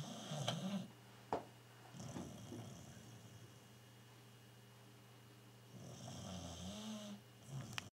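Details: Sleeping diabetic, blind Tibetan Terrier dog snoring: low rumbling snores that come and go with the breaths, quiet room hum behind; ordinary snoring.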